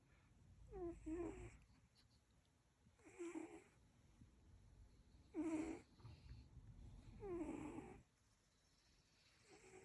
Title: Cutest Cat Snoring 😴